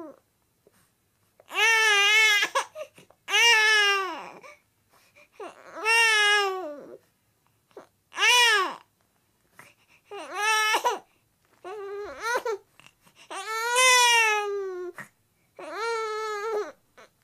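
Repeated drawn-out, rising and falling whiny cries from a baby with short pauses between: fussy whining rather than distressed crying. Sound effect recording.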